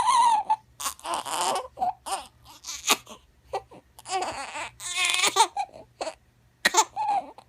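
Repeated crying bursts with sobbing breaths in between, heard from an infant; an ordinary infant cry.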